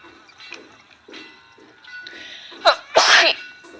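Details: Sneezing attack during a live stream: two sharp, explosive sneezes, a short one then a fuller one, over faint background talk.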